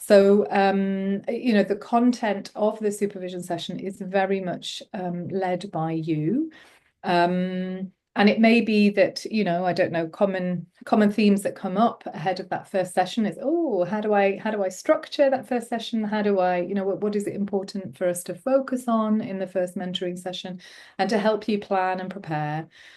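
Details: Adult woman speaking; typical speech.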